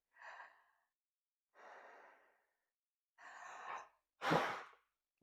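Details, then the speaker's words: Breath in, then a short sharp blast of air out while sitting up: forced exhalation into a peak flow meter, lips sealed around the tube, as hard and fast as possible, one of three attempts, reading 460. "place it in your mouth, seal your lips around the tube, keep your teeth outside the tube, and then breathe out as hard and as fast as you can."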